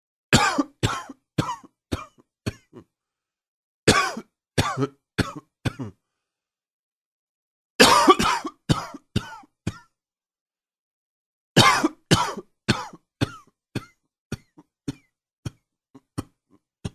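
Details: Four coughing bouts, each a loud cough trailing into several weaker ones, with silence between; repeated coughing fits.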